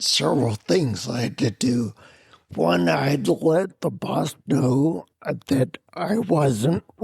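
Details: Adult man with spinocerebellar ataxia of unknown cause, a rare neuromuscular disease that began with double vision and clumsiness; slurred speech since around 1999, plus mobility problems and noise-induced anxiety, treated symptom-by-symptom through the VA; ataxic dysarthria.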